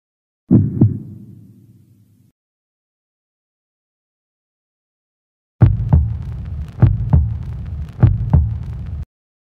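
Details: A heartbeat sound effect: deep paired lub-dub thumps, steady at about 50 beats per minute, after a single opening thump.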